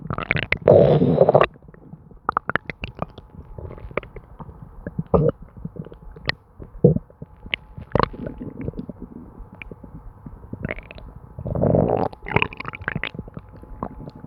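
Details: Frequent gurgling, bubbling and squelching stomach sounds with a few longer rumbling bursts from a person's stomach; borborygmi.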